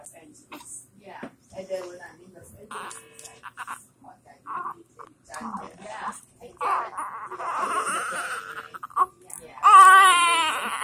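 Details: 32-week premature baby held in the father's arms for the first time: soft adult murmuring and background music, then a brief thin, high-pitched cry.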